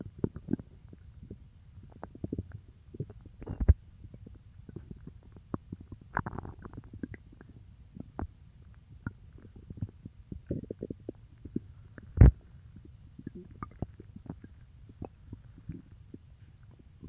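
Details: Stomach growling after eating peanut butter: low gurgling and bubbling abdominal sounds with scattered clicks; borborygmi.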